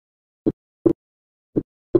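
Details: Heart sound teaching recording, two slow heart cycles: second sound splits paradoxically, widening on expiration, as in left bundle branch block; paradoxical splitting of S2.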